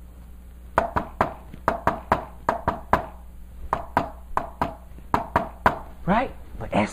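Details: Tapped, simulated three-beat gallop rhythm with the extra sound placed just before and close to S1 (a "Tennessee" cadence), with a brief voice at the end; imitation of a fourth heart sound (S4 gallop).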